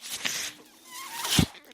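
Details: Speaker's own mechanical ventilator heard while they talk on a podcast: brief hissing airflow bursts with a soft thump as the ventilator delivers air.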